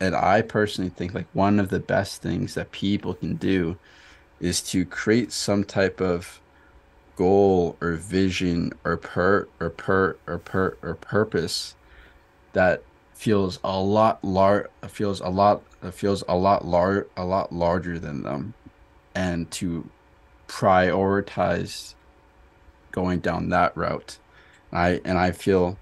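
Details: Stuttering in an adult man who stutters, in a podcast conversation.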